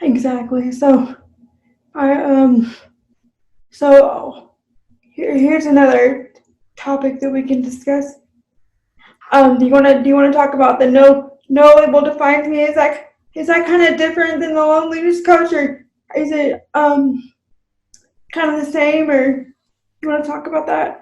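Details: Speech of an adult woman with cerebral palsy, unscripted podcast conversation.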